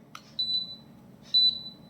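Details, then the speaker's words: Propex Pixi electronic apex locator during a root canal demo: two high-pitched beeps as the file passes the root apex and the display reads "over," signalling the apical foramen has been perforated. "जैसे-जैसे आप file को अंदर डालेंगे आपका देखिए ये जो है ब्लिंक बढ़ता जाएगा और देखिए ओवर लिख कर आ जाएगा। जैसे ही ओवरख कर आएगा इसका मतलब जो है आप परफोरेट कर चुके हैं अपाइकल फोरमेन को।"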